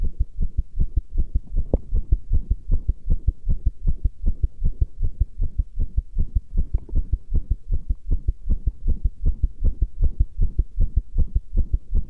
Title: Pressure Heartbeat 9